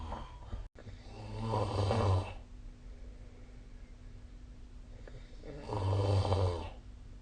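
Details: Two long, low, rumbling snores on the in-breath with quiet breathing between them in a small room, recorded during sleep; snoring.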